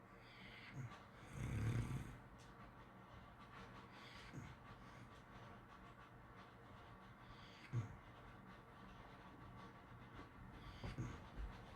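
Quiet breathing with a few soft snorting snores and scattered clicks; light snoring during sleep.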